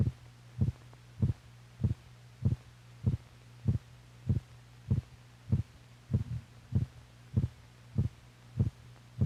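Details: Old, possibly 1950s, teaching film made for doctors recording heartbeats with heart motion: regular low thumping heartbeat about 98 a minute over a steady hum, normal heart sounds.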